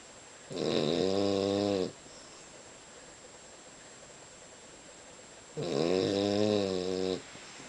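Two long, rattling snores about five seconds apart over steady room hiss; ordinary snoring.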